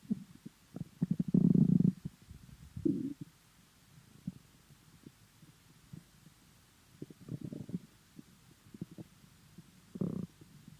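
Irregular low gurgles and rumbles from an empty stomach, ordinary hunger bowel sounds.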